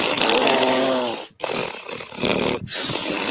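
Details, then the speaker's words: Woman asleep: loud, harsh, rasping open-mouth snores from the back of the throat with a strong inhale and a brief break between them, heavy snoring. "the open mouth back of the throat super strong draw inhale and uh yeah it gets it gets people pretty it startles some people out of their sleep"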